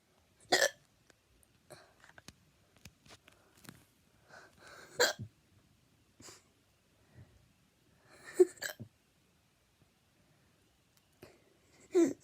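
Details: Hiccups: repeated short, abrupt gulping sounds at irregular intervals.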